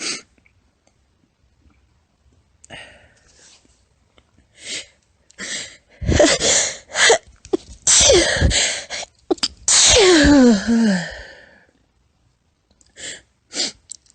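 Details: Female with a run of small, high, squeaky sneezes, several stifled, with a louder burst and a voiced trailing sound; repeated sneezing.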